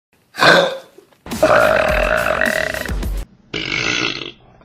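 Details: Burps compiled from online videos: three loud, drawn-out belches in a row, the middle one long and rumbling; ordinary burping.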